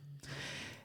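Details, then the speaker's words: A sleeping dog snoring: a single rough, snorting breath after a brief low room hum. "if you can hear elsa snoring through this it's kind of relaxing right"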